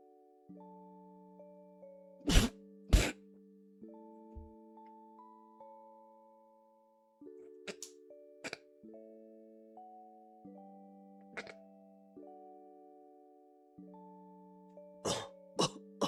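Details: Cough: a female streamer fails a no-coughing challenge, giving about eight short, sharp coughs, some in quick pairs, over gentle background music.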